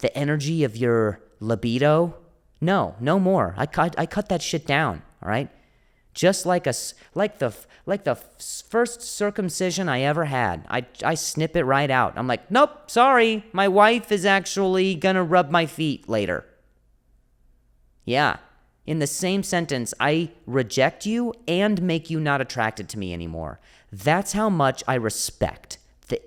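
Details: Adult male comedian who stutters; stuttering with audible repetitions.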